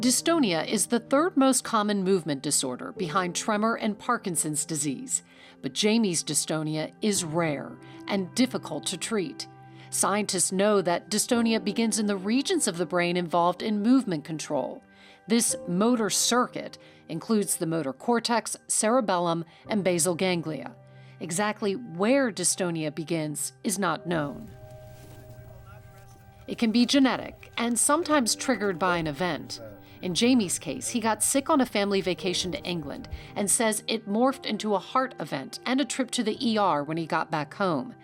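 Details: Adult female narrator; normal speech.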